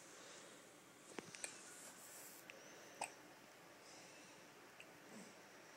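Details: A 2-month-old baby girl lying in bed with her father: a few soft, abrupt hiccup sounds over steady room noise; hiccups.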